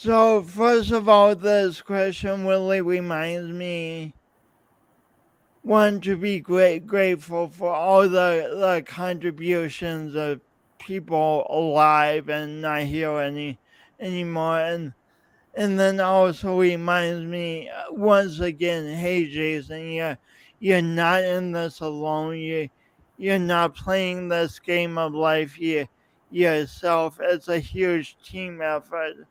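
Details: Real male's lifelong speech impediment with coordination differences, his own condition; whole-word repetitions in speech; finding: speech impediment with whole-word repetitions.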